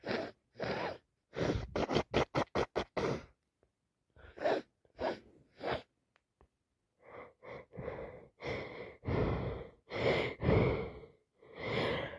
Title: Wet cold sneezes 🤧 Day 4